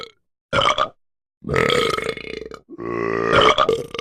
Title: Burping puppy insane